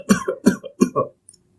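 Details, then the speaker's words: Teaching demonstration of a dry cough, said to suggest upper airway involvement: three short, dry, non-productive coughs in quick succession with no rattle or mucus. "So generally dry coughs suggest the involvement of upper airway that may include pharynx and larynx also, and wet cough shows the involvement of the lower airway and it may be showing the involvement of the endobronchial tree also. The dry cough sounds like this"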